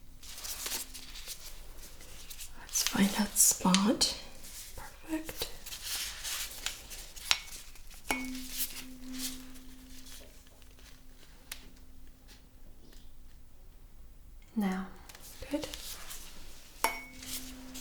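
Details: A struck tuning fork hums steadily and fades as it is placed on bony prominences for a vibration sensation test during a simulated neurological exam in a role-played shoulder exam: tuning fork vibration.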